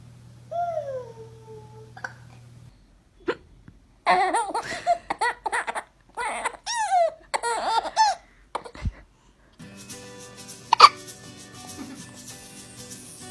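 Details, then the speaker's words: A baby with hiccups makes short, abrupt sharp sounds like a little peeping chick, mixed with squeals and laugh-like bursts, with music later in the background: baby hiccups. "He's got the hiccup. Sounds like a little peep chick."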